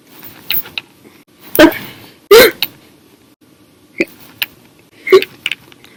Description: The Violent, Little Loud, Silent, Minute Hiccups lasted 1 Hour and 51 Minutes for 6/1/19 after drinking 1 bottle of soda after Dinner.